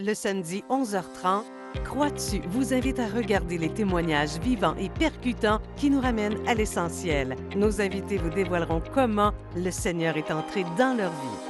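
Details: Adult female announcer; normal speech.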